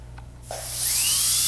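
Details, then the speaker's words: DCI disc-style dental foot control with toggle set to water spray on, driving a dental handpiece: high-pitched drill whine rising to speed with hissing, atomized water spray; dental handpiece with water spray. "water spray beautiful atomization can everybody see that"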